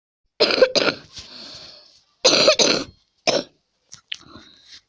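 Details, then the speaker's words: Someone who is ill: a run of about five harsh coughs with throat clearing and breathy pauses between, in a quiet room. "Ой, ребят, сори, я просто заболел, и вот почему я не снимал так долго видео, и я очень долго не играл."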